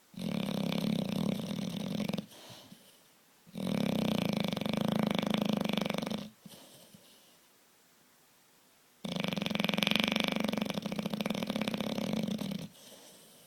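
Loud, rough, buzzing snores from a large dog, three long drawn-out breaths in about 13 seconds with quiet pauses between them.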